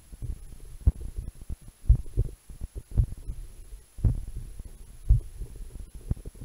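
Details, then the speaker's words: Normal heart sounds from the chest over the heart, using a homemade electronic stethoscope (analogue stethoscope diaphragm with a lavalier mic in the tubing): low, regular thumps at about 57 a minute over noise. "stick the bit in your ear, that works still, get the diaphragm, and find the part of your chest where your heart is"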